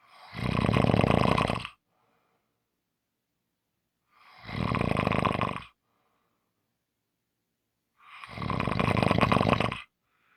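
Three loud, rough snoring breaths about four seconds apart, roughly 15 a minute, with silence between them.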